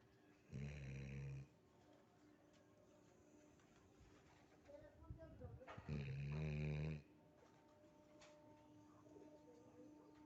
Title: My dog sleeps snoring🐶🦮❤